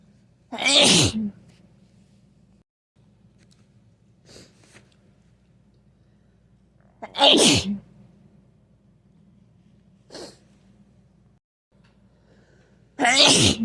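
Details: Three forceful, wet-sounding sneezes spaced several seconds apart, with softer sniffs between them; snotty sneezing with a cold.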